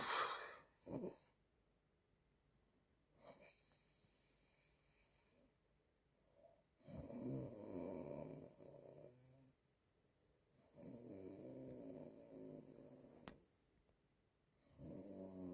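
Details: Grandmother snoring: loud, rough snores on the in-breath separated by long quiet pauses, about eight breaths a minute, in a quiet room.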